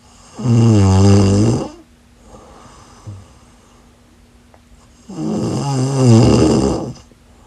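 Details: Two long, loud, rumbling inspiratory snores separated by a quiet pause of a few seconds, from a sleeping woman; snoring.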